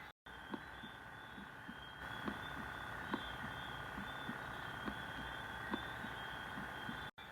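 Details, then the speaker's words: Teaching example of cardiac auscultation: fourth heart sound (S4), regular rhythm near 70/min with an extra soft sound just before each S1, from atrial contraction into a distended ventricle; more common in the elderly. "es de tono agudo, breve duración, aumenta con la expiración, se puede dar más que todo en ancianos. Es generado por la contracción auricular y distensión telediastólica ventricular consiguiente."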